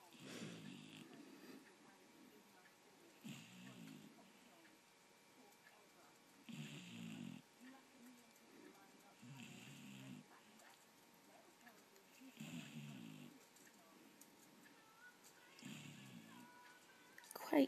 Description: Buddy the Golden Retriever fast asleep and snoring at four months old...